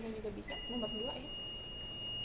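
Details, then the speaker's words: Manual defibrillator charge-complete ready tone: a long, steady, high-pitched tone, with the display showing 10 joules ready, signalling a shock can now be delivered. "ini suara ready. Oh, itu yang panjang. Yang panjang suara ready terus ada tulisannya. Ada tulisan 10 jou ready."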